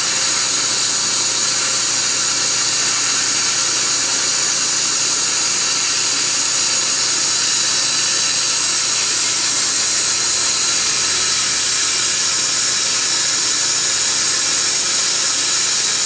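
Continuous shrill whine and hiss from dental instruments, steady throughout, during a root canal procedure.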